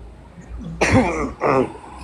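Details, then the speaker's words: Two harsh throaty bursts with voiced straining from a person who mentions acid reflux and says it is not a cough but gagging; dry heave or gag. "hindi ako inuubo ng ganyan Hindi naman ubo duwal parang ah naduduwal ako"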